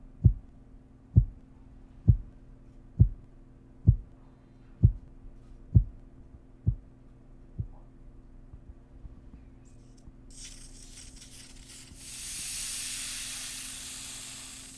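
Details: Regular soft tapping pulses, about 65 a minute, over the brachial artery by stethoscope, fading as the arm cuff deflates, then rushing air: Korotkoff sounds of a normal reading, 112/66.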